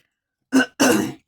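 A short cough followed by a longer, harsh throat-clearing rasp from an adult woman, heard mid-speech.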